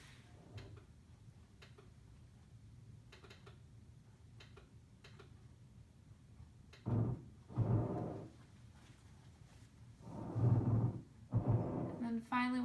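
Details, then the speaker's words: Simulated lung sound on a SAMII simulator for an auditory quiz. A coarse grating sound, likened to a balloon rubbing on a shirt, on both inspiration and expiration from inflamed pleura: pleural friction rub. "some people say that that sounds like a balloon rubbing against their shirt a grading sound"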